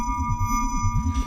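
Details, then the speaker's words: Simulated tinnitus, the ringing in the ear of a man who later developed a compulsion to paint and draw; attributed to a blood vessel twanging the hearing nerve, treated by neurosurgery. Steady high-pitched ringing over low warbling hums. "But what would turn a successful family man into someone with the burning compulsion to paint and draw endlessly? It all started with a strange ringing in his ear."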